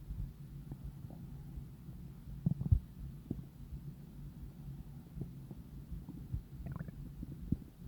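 Low, soft gurgling rumbles with a few brief squeaks and pops over a quiet background; ordinary stomach rumbling from digestion.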